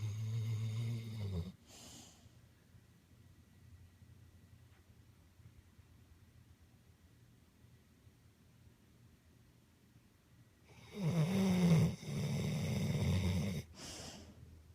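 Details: Snoring in Kona, sleeping: two loud, deep, rattling snores separated by a long quiet pause.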